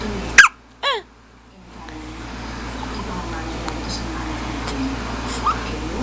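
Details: Hiccups on day 10: two brief, sharp, gasping hiccup sounds close together, then quiet room noise.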